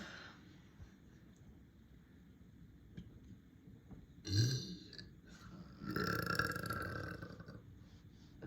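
Two deep, drawn-out belches: a short one, then a longer rumbling one, in a quiet room.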